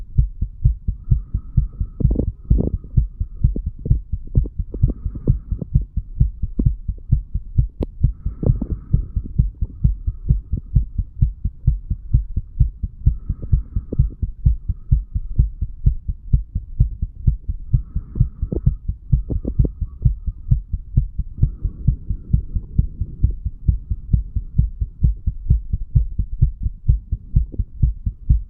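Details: 35-year-old male, under the influence of alcohol, heart sounds recorded with a stethoscope a couple of hours after going to bed, over mitral then tricuspid areas; steady, regular low sounds with faint intermittent hum.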